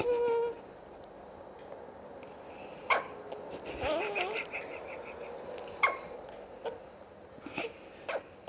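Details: Newborn two and a half hours old: brief, sharp little hiccup catches every few seconds; ordinary newborn hiccups, a normal finding.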